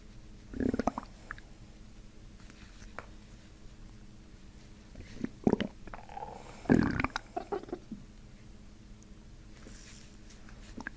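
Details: Soft low gurgles and louder bubbling rumbles as a chiropractor works on the abdomen (ileocecal valve, pyloric sphincter) with deep belly breaths; patient had not eaten that day, stomach empty; normal bowel sounds.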